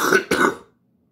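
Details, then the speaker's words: An adult man with a lingering cough that has been rattling, now loosening, with two days left on antibiotics: two quick, harsh, wet-sounding productive cough bursts. "And I still got a little bit of a cough."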